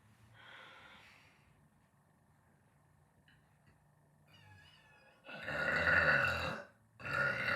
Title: Post-dinner burps🫶❤️